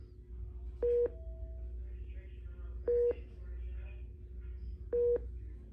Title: White Noise Hospital Monitor Beep